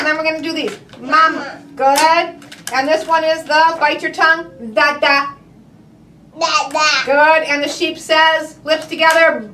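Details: Adult female speech-language pathologist; normal speech.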